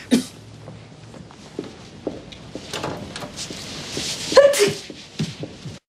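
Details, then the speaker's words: Acted sneezes in a television scene: several short, sharp sneezes with quiet room sounds between them. "yeah I think it's over sneezes always come in threes if you ever noticed oh really is that so oh well that was a fourth"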